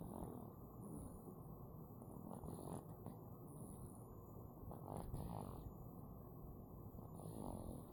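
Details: Man snoring in his sleep.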